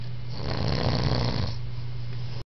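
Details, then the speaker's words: Brother sleeping with saliva on his lips, giving one long, coarse, low rattling snore lasting about two seconds; loud snoring. "about to show y'all a picture of my brother snoring. It's crazy."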